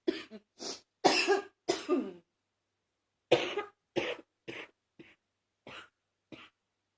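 About ten short coughs in two bursts, with a rough, slightly wet, congested quality.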